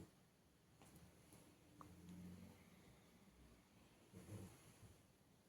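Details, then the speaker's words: A male dog sleeping on the bed at home gives two low, rumbling snores against quiet room hiss; ordinary dog snoring. "Ben oui, tu as vu, il ronfle. C'est vraiment pas très poli, hein."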